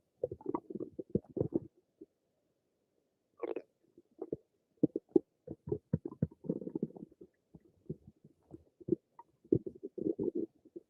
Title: Some more of my stomach noises